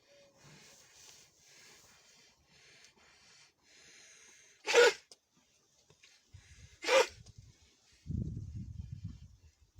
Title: A cow with Viral Pneumonia notice the dry cough #vet #cattle #pneumonia #cow #virus #drvet